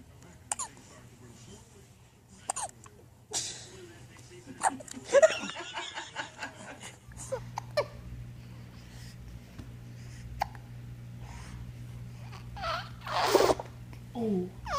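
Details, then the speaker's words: Baby with hiccups: short, squeaky hiccups every few seconds with adult talk and laughter in the background; ordinary infant hiccups. "Do you have the hiccups? Do you have the hiccups? You got hiccups? You poor thing. You poor thing."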